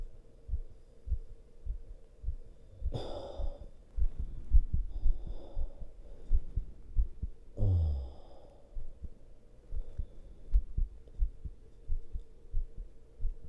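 Strong, regular heartbeat thumps, fairly fast, with a few heavy breaths heard over them.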